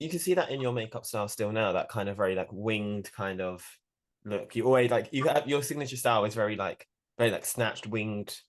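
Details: Adult male speaker; Normal conversational speech.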